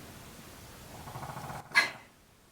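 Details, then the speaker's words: A dog lying asleep at its owner's feet snores: a quiet, low, rough rumble building over a second and a half, then a brief snort-like burst. "One of my dogs is laying right at my feet and he's snoring, so I apologize for that."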